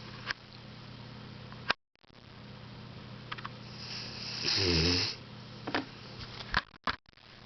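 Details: Almost 15-year-old deaf Labrador snoring asleep: a single low, rumbling snore in a quiet room with a faint steady hum and small rustles, before she wakes.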